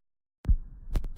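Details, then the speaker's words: Heartbeat recorded with an Eko smartphone stethoscope and shared for remote examination, device reading normal: low, soft lub-dub thumps; normal heart sounds. "again that's a normal heartbeat you can tell because it says normal up there but it also sounds normal"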